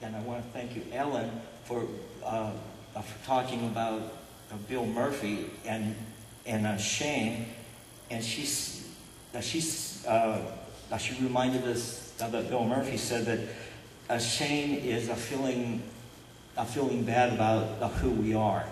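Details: Adult man with covert stuttering, who reports being unable to get words out in feared situations; covert stuttering.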